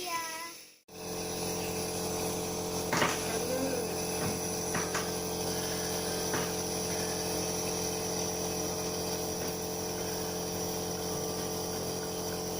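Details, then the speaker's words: Child with a cough, sick, receiving inhalation (steam/nebulizer) treatment: steady mechanical hum and hiss throughout with faint room voices; nebulizer in use. "Dede aku lagi sakit nih. Sekarang dede aku lagi diuap."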